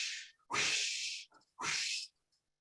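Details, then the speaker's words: Person vocally imitating a heart murmur as heard by stethoscope, breathy whooshing bursts unlike the normal lub-dub, in a talk on aortic stenosis, where the valve narrows from quarter-sized to dime-sized: aortic stenosis murmur, vocal imitation. "if you listen to the heart of someone who has a murmur with a stethoscope it sounds like a whooshing sound and you it actually sounds different from the love dub that we usually hear and it goes"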